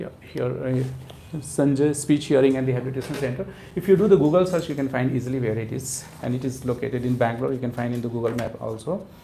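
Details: Adult man speaking; Normal adult male speech.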